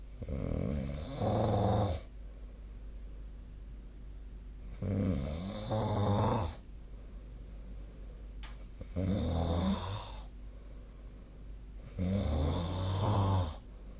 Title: 🐽 本日のイビキ / Snoring Sleep Sound 2025/04/06